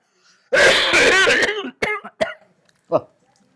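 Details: Acted, comedic cough in an adult man said to have been coughing for about a week despite treatment: one long, harsh, throaty cough, then three short, separate coughs in a quiet room.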